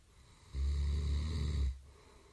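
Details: Fairly loud, heavy snoring recorded in a quiet room: one deep, rattling snore lasting over a second.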